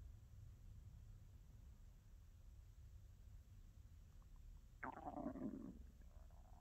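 Low steady rumbling builds to a brief gurgling, squeaky growl near the end, typical bowel sounds of stomach growling (borborygmi) from a hungry stomach.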